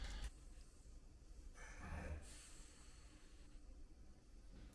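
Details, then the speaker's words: Snoring from a sleeping male dog: low, rumbling snorting breaths, very loud against a quiet room. "you guys hear my dog did you guys hear that he is so loud he's such a snore"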